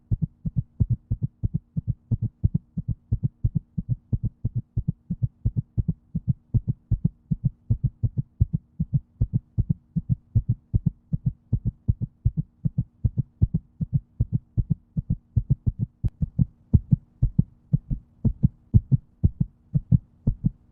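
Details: Heartbeat: steady, regular heartbeat with clear low thumping lub-dub pairs over a faint low hum.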